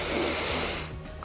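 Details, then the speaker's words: Deliberate deep relaxing exhalation to release tension before speaking, as a stuttering-anxiety tip: brief breathy rush of air fading away. "So our body gathers a lot of tension so if you have a moment, in the corridor, in the elevator, behind the scene somewhere before you enter that room, before you start speaking you just gather all your tension (breathe"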